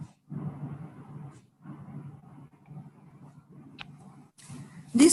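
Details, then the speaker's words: Complex repetitive discharge on EMG: steady, low, machine-like buzzing runs that start and stop abruptly. "an example of the complex repetitive discharge i hope you can hear it"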